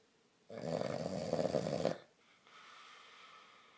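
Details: Man snoring while sleeping on his back: one loud rough rattling snore on the in-breath, about 1.5 seconds, then quiet breathing.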